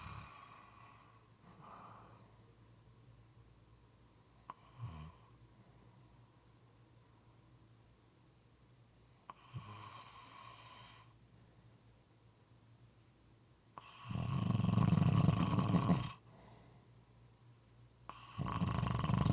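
Irregular snoring in a quiet room, with soft breaths, snorts and several loud wet rattling snores.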